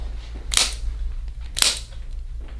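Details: Chiropractic activator instrument clicks applied to the rib cage, angled toward the front, with patient's left arm crossed over shoulder; some spots may be tender.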